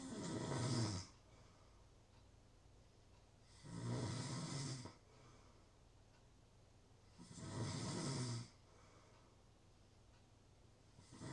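Loud, harsh snores on each breath, about 16 a minute, with quiet gaps between them. Steady snoring in sleep.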